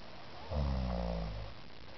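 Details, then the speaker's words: Woman 9 months pregnant who had taken Tylenol PM, asleep at 3:30 a.m., with a single deep, rumbling snoring breath over steady background hiss; described as milder than on previous nights; snoring. "It's 3:30 in the morning. 9 months pregnant. I've been telling her how much she snores. I think it's time to catch it on videotape."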